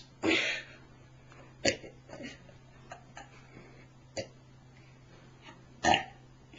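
An adult burps several times, with short throaty bursts of varying loudness and quieter gulping sounds between them, over a steady low hum: burping.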